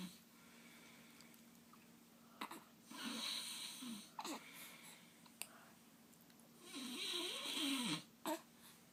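Irregular raspy snoring breaths with whistly, snorting edges and a few sharp clicks, over a low steady hum.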